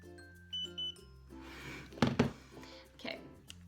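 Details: Short electronic beeps over music and rustling: a 17-year-old with type 1 diabetes for about six years confirms an insulin bolus (3.4 units suggested for 25 g carbs, glucose 139) on an insulin pump PDM.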